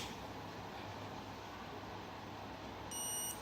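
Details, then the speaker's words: Equil patch insulin pump during reservoir change: after a fresh battery is placed in the reservoir and the pump is pushed onto it, a short high electronic beep confirms the connection, before priming. "hear a beep next you can hit continue on the screen and it will ask you to pride in the reservoir prime the reservoir by pressing this button and holding it"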